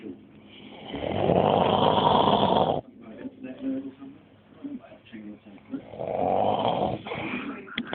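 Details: Man asleep in a club snoring heavily: loud, harsh, rattling snores with a gap between them and soft room noise in the background.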